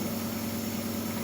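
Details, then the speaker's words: Steady loud motor hum with constant buzz: nebulizer compressor running during a baby's treatment for cough and runny nose, second day of nebulizing, to thin mucus. "Ini fungsinya untuk mengencerkan lendir-lendir biar cepat keluar."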